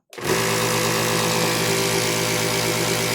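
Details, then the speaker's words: Compact nebulizer compressor (model COM-101, 220 V, 60 Hz) switched on after repair: silence, then a steady loud motor drone with buzzing hum and hiss, running normally. "Yan. Gumagana na siya."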